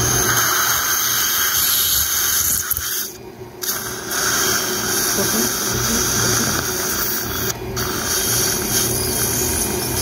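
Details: Dental implant drill in live maxillary basal/pterygoid implant surgery. It drills further to full working length because a 2.5 mm mono implant was slipping: a continuous high whine with brief pauses.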